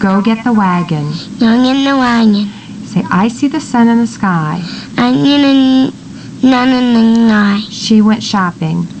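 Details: Little girl with velocardiofacial (22q11) deletion syndrome; marked hypernasality with an overall nasal quality, and consonants like c or t coming out like n or m; hypernasality with nasalized consonants.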